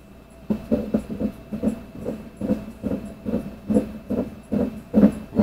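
Rapid, rhythmic whooshing thumps of a heartbeat at roughly 140 beats a minute over a faint steady hum.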